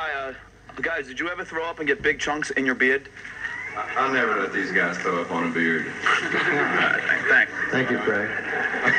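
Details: Real stuttering in an adult male known as a stutterer, asking a question at a Q&A; stuttering.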